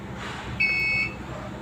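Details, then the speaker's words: SK-600 infusion pump power-on beep: single clear half-second electronic beep over faint room noise, on turning the pump on after repairing a 12-volt power fault that had caused blinking and no power. "okay as you can see here we have a steady light so we're going to turn on the bottom"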